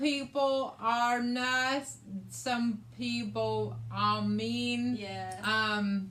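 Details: Adult woman with aphasia, which also affects her reading and writing, after a hemorrhagic stroke in May 2020 that required brain surgery and left right-sided hemiparesis; aphasia.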